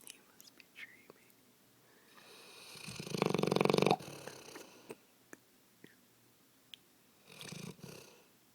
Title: snoring 2